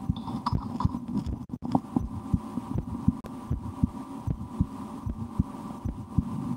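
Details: Own heartbeat recorded through a stethoscope for relaxation, sometimes holding breath or trying to raise the rate, with a loudly digesting stomach after lunch: steady soft lub-dub beats with constant low hum and rustle; normal heart sounds.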